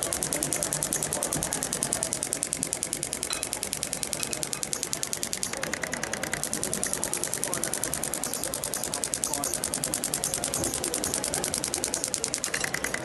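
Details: Shockwave therapy (ESWT) applicator over the posterior deltoid of the right shoulder for fascia tightness and reduced range of motion in an uninjured Olympic athlete: rapid, steady clicking pulses, about two to three a second.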